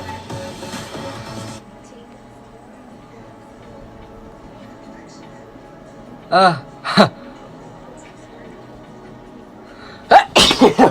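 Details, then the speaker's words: A deliberately provoked sneeze after repeated sniffing attempts that made his eyes water: two short gasping in-breaths, then a loud explosive sneeze with a trailing burst, described as painful; room noise in the background. "That hurt! Oh my gosh, I sneezed up everything I ate today. Whoa, blew my hat sideways."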